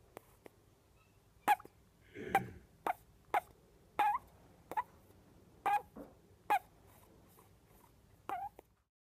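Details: Orphaned baby flying-fox, about 6 weeks old and healthy, making squeaky snores while asleep: short, sharp squeaks about every half second to second, with one soft breathy sound among them.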